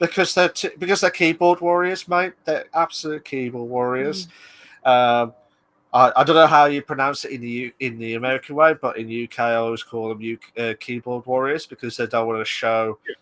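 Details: Adult man speaking; normal speech.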